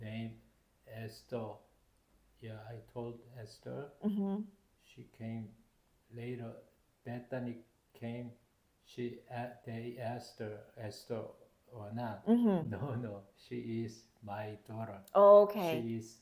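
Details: Adult male stroke survivor with aphasia due to stroke, having trouble speaking and collecting his thoughts and needing extra time to respond, on blood thinners; aphasia.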